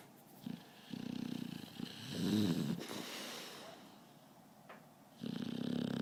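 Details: Adult snoring: low rumbling breaths in slow cycles with a rattling vibration on inhalation.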